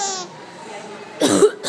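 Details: Playful, deliberate adult cough (mother) with a brief trailing burst, after a short infant vocal sound and pause; the infant laughs.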